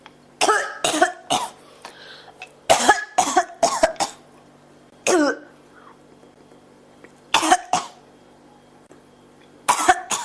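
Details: Persistent cough: repeated dry, harsh coughs in short bouts of two to four, about eleven coughs in ten seconds, with quiet pauses between.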